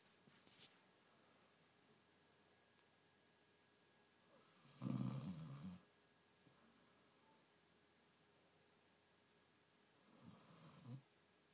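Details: A dog at home boarding, snoring: two low, rough, rattling snores about five seconds apart in a quiet room.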